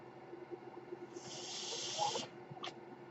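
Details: Speaker's own mechanical ventilator heard during a podcast recording, delivering a breathing cycle.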